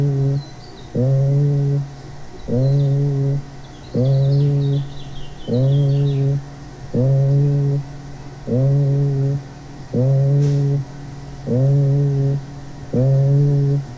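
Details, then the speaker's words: Egophony on auscultation: patient saying the letter "i" over a region of pleural effusion or tumor, giving repeated sustained nasal, bleating, goat-like voiced sounds. "le pedimos que diga la letra i y entonces escucharíamos lo que conocemos como eufonía esta es la letra i en una zona con derrame pleural o con tumor"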